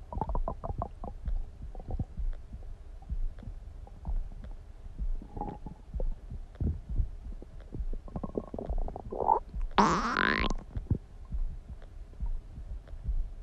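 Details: Person's own stomach noises (borborygmi): gurgling, bubbling stomach rumbles ranging from low rolls to a brief high squeal; ordinary bowel sounds.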